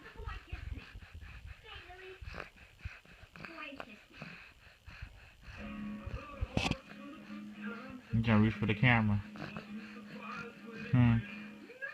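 A single short, sharp infant sneeze, followed by soft baby vocal sounds over background music.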